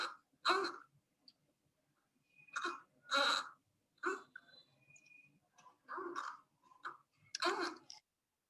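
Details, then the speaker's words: Newborn in respiratory distress with tachypnea: short, voiced expiratory grunts repeat with each breath out. "i want you to really listen for that grunting breathing and watch how fast this baby's breathing"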